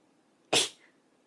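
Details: A single sharp, hissing sneeze from a young Japanese woman that fades quickly; an ordinary sneeze.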